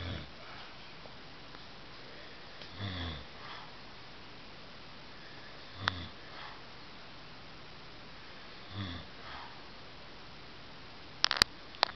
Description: I had to show him that he snores. Yes, he keeps me up a lot